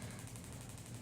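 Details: Gymna Shockmaster 300 with a 15 mm convex head, 2–2.5 bar, 12 Hz, with gel, on Osgood-Schlatter at the patellar tendon/tibial tubercle of a mature knee (growth plates closed): a rapid, even stream of sharp taps, about twelve/second, over a low hum.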